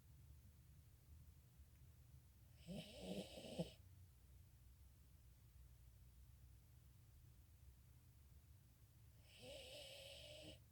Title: MY DOG IN A SNORING MODE #shorts